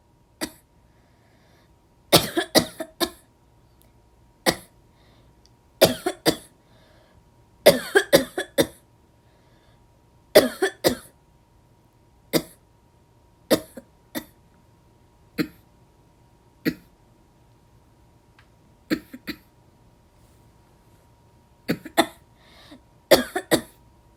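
Repeated short, harsh dry coughs, mostly in clusters of two or three, with quiet gaps between.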